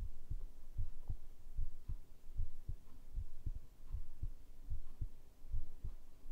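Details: ASMR heartbeat recording made with a binaural microphone: soft, low thumping heartbeat in paired beats, about 75 a minute, over a steady low hum.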